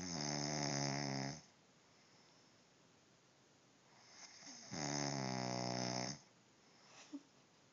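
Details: Ordinary snoring: two long, rough, buzzing snores about three seconds apart, with quiet pauses between.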